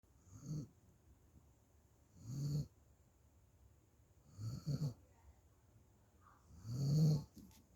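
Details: A sleeping puppy snoring loudly: four loud, low rattling snores with quiet pauses between them, about 26 a minute.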